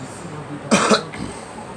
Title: Girl coughing